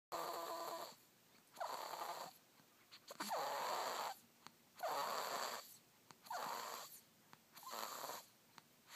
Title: Snoring